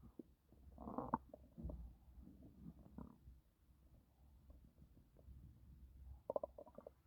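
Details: Woman 5 months pregnant, stomach growling while doing housework: low gurgling and rumbling bowel sounds; she reports feeling very uncomfortable, and a near miscarriage is claimed.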